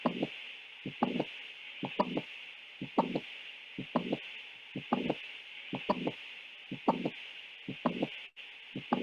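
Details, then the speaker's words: Heart click from a valve that may not close properly, in a midwifery physical-examination teaching recording: regular heartbeat about 62 a minute with sharp clicking sounds over a steady hiss. "ini hard click ya, kelainan kayak ada unit klik karena ada ee katuk ya mungkin yang tidak menutup."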